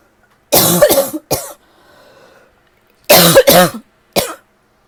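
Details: Person with an ongoing cough that they feel is finally getting a little better: two clusters of dry, hacking coughs, about six in all, with a quiet breath between; a tickly, irritable cough.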